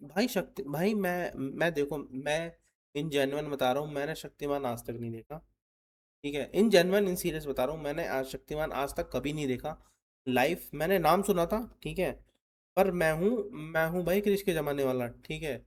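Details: Adult male Hindi-speaking reaction host, presumed from the channel name to stammer, speaking with word repetitions in his own commentary; stuttering.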